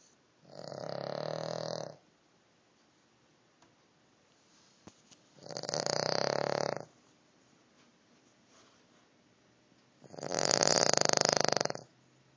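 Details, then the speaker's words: Three long, raspy snores about every 4–5 seconds in a quiet room from a sleeping Cavalier King Charles spaniel dog; snoring. "Oh, that was you snoring. That was you."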